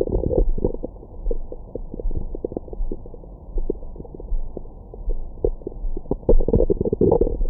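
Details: Adult's abdomen after a large meal, recorded with a Stemoscope stethoscope microphone for ASMR: irregular gurgles, clicks and bubbling rumbles, busier toward the end; bowel sounds of stomach growling.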